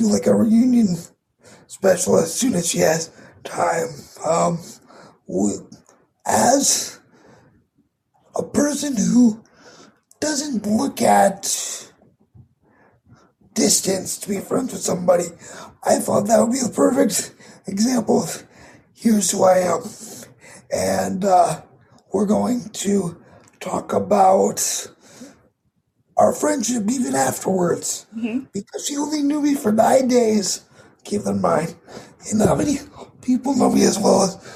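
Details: 22-year-old man with cerebral palsy affecting his muscles, tighter muscles making talking more difficult, audible in his voice; dysarthria (cerebral palsy).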